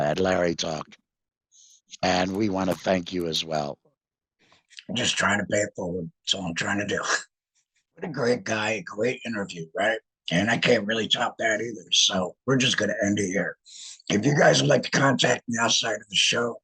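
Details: Alaryngeal speech from a male laryngectomee after laryngectomy.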